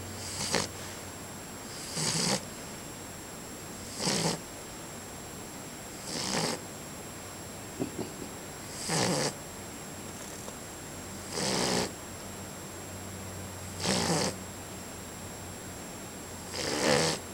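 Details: Sleeping pet asleep on the owner's leg, snoring with regular snorting breaths about 25 a minute over room hum, until yelled at; it doesn't stay awake for long.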